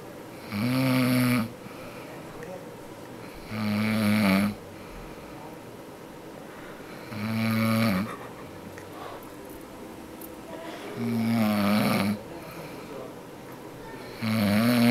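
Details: A mother snoring in sleep: loud, regular, droning snores, five in fifteen seconds, about 20 breaths a minute, each on the in-breath.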